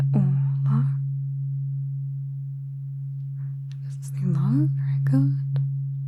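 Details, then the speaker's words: Simulated ASMR cranial nerve exam roleplay: tuning fork tones, a higher-pitched fork swapped in for a pitch and ear-side hearing test. "Just swapped out the second tuning fork for a higher tuning. It sounds like this. Going to use the higher chin fork and the mother one. test your pitch detection."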